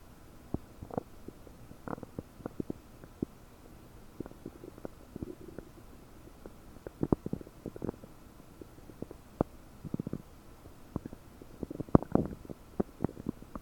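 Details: About 9 hours after eating 30 prunes, recorded with a desktop microphone, bloated: frequent bubbling clicks, pops and short gurgles over quiet background; active bowel sounds (borborygmi).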